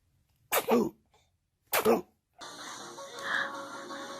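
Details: A newborn baby gives two small, sharp sneezes about a second apart, followed by soft background music: sneezing.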